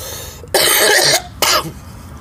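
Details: Adult who vapes, coughing in the morning and saying they have been quite sick lately: two harsh, noisy coughs, the first longer and the second brief.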